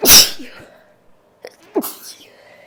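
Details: Female, tissue-induced sneezing: one loud explosive sneeze, then quiet sniffs and a short nasal snort.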